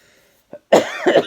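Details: An adult with seasonal bronchitis from pollen allergies and postnasal drip gives a faint throat click, then one loud, harsh, voiced cough in a quiet room; not an infection.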